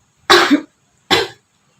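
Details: Two forceful, deliberate coughs, the second shorter, from a woman shown the effective cough technique after deep abdominal breathing exercises to clear sputum, in a simulated nursing demonstration.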